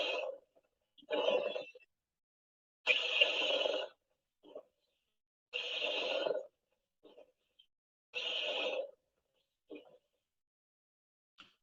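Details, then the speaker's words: Pleural friction rub: harsh, grating rubbing noises with each breath in and out, signifying pleural inflammation; it typically disappears when an effusion separates the pleural layers and may reappear once the exudate is reabsorbed. "generalmente cuando se instala el derrame el frote desaparece debido a la separación de las dos hojas plurales y pueden reaparecer con el exudado se ha reabsorbido"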